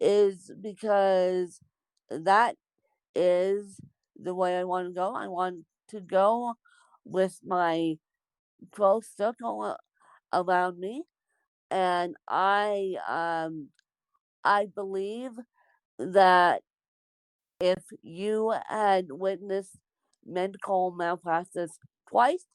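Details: Dysarthria in an adult woman born with cerebral palsy.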